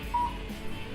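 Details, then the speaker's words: Cold (low-level) laser therapy machine beeping while running a plantar fasciitis program on the foot's plantar surface; a brief electronic beep over quiet room noise. "The beautiful thing about this technique is you hear the machine beeping, you know it's"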